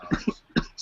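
Three short, abrupt coughs from an adult in quick succession within under a second, with faint room noise; a brief coughing bout.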